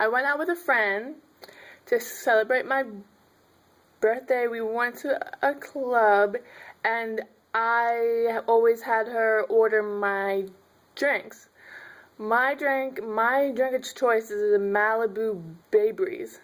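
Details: Stuttering in an adult woman who finds m and b sounds hard.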